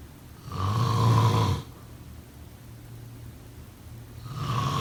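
Loud, low, rattling snores on each in-breath with quiet pauses between; typical snoring during sleep.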